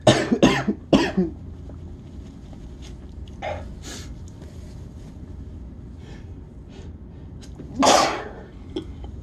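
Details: Series of sneezes: three quick explosive bursts, then a fainter one and a final louder sneeze after a pause, near the end of a week-long cold.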